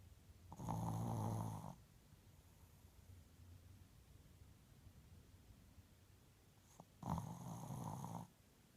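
Two loud, buzzing snores about six seconds apart with soft breathing between: snoring during sleep.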